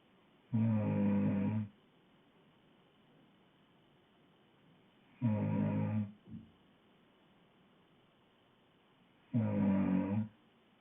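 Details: Loud snoring from a woman: three loud, rough, buzzing breaths about four seconds apart, quiet between them.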